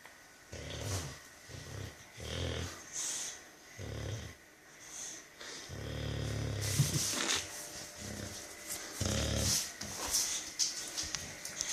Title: Snoring bulldog